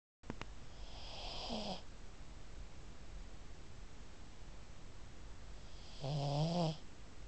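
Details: Pug who snores constantly, snoring in sleep and waking herself up: two snoring breaths several seconds apart, the second a louder rattling snort, over background hiss.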